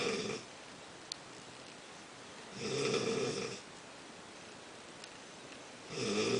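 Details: Snoring during sleep: two to three long, rough, noisy breaths about every three seconds over quiet room noise; listener says the real-life snoring is much louder than recorded.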